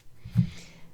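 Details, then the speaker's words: A pet Chihuahua snoring in the background while lying in its owner's room. "And if you can hear snoring in the background, that is my Chihuahua. He lays in my room with me and it seems to be the time when he literally snores the most."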